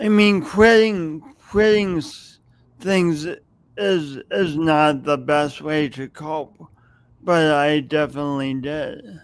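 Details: Adult with a long-standing speech impediment, audible whenever they speak and present for many years; speech impediment with stutter-like disfluency.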